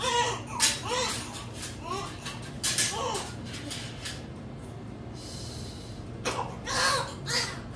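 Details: Short, repeated high-pitched wails from a newborn baby girl just after a normal spontaneous delivery, over room noise; a normal first newborn cry.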